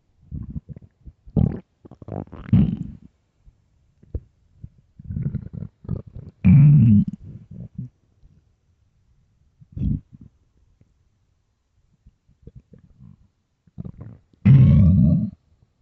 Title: empty deep hunger stomach growls part 1